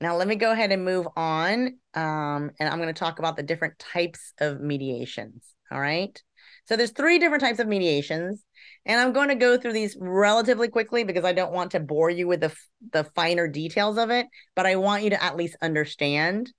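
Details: Adult woman speaking; Ordinary speech.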